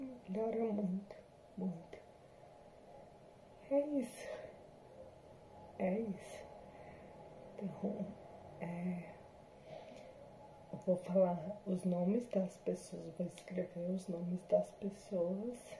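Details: Adult woman with hereditary, progressive degenerative spinocerebellar ataxia type 7 (SCA7), symptoms since 2018, recorded after neuromodulation with speech therapy and physiotherapy; she says the disease shows in her voice and speech. Ataxic dysarthria.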